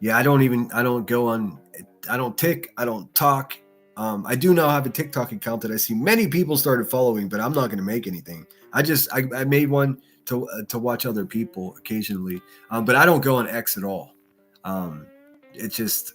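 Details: Male streamer who says he stutters and notices it when listening back to himself; stuttering.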